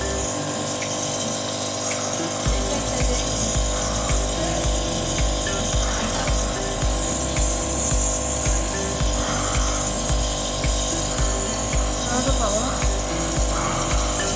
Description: NEBULIZER MACHINE RELIEF MY KIDS COUGH WITH PLEM HELP THEM CLEAR THEIR LUNGS.